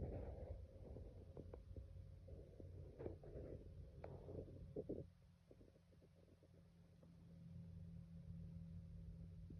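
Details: A sleeping cat snores: low, fluttery rumbling noises in a few bursts over a steady background hum.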